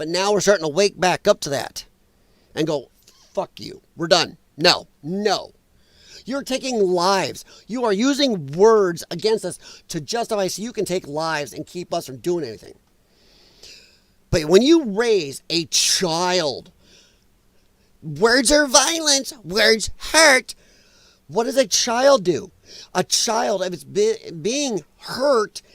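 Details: Dysphonia in a man who attributes it to vocal cord damage from infections related to his lung problem and regards it as a disability.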